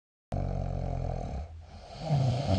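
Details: Snoring recorded with the SnoreLab app: a low, droning, vibrating breath sound that fades briefly, then returns louder.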